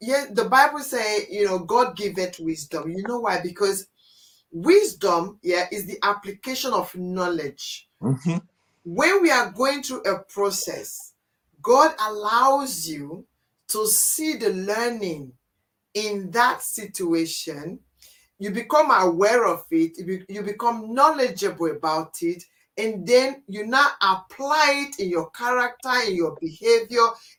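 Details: Adult speaker; conversational speech.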